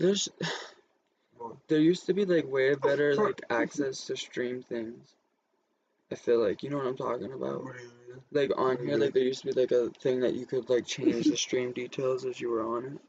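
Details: Adult male speaker; normal speech.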